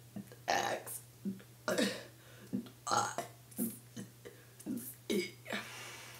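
A run of deliberate voiced burps, each shaped like a spoken letter, with short pauses between them.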